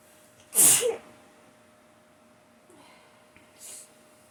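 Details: Woman sneezing hard on waking in the morning: one loud, forceful sneeze followed by a softer breathy sneeze or exhale a few seconds later.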